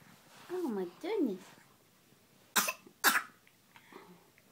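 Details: Young girl who is sick, playing at cooking: two high vocal sounds, then two sharp, loose coughs.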